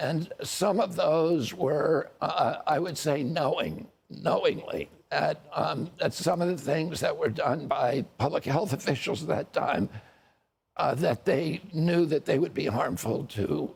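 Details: Adult man with a neurological voice disorder, self-described as spasmodic dystonia, with onset at age 42 after a previously strong voice; spasmodic dysphonia.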